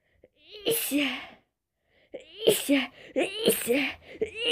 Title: Morning cold sneezes